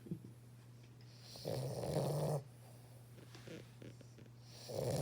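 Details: Puppy snoring: a low, rasping snore lasting about a second, then quieter breathing and the start of another snore, over steady room hum.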